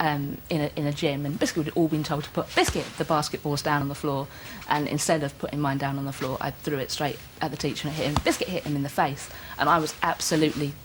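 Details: Adult woman with Tourette syndrome, tics beginning around age six, diagnosed in adulthood, with multiple motor and vocal tics including obscene tics, frequently the word 'biscuit'; Tourette syndrome vocal tics.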